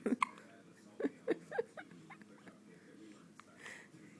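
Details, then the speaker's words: Baby girl with hiccups, very awake after a nap: several short, abrupt voiced catches in quick succession, then quieter sounds. "I just want a bottle lots of hiccups"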